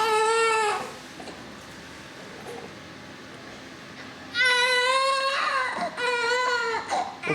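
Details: Loud, high-pitched wailing cries in bursts separated by a quieter pause, with room noise: vigorous cry of a newborn just after birth at a maternity ward, during the first newborn checks.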